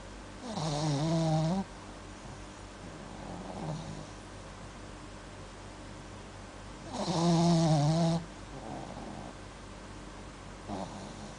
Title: My Dog Sleeping with snoring